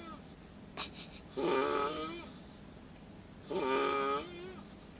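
Two long, rough, moaning snore breaths with a tonal, whistling quality, heard against low room noise.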